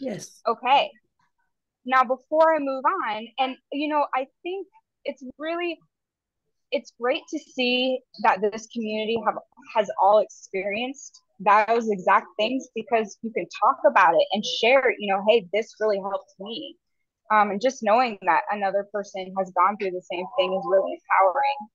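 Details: Adult woman speaking; Typical speech.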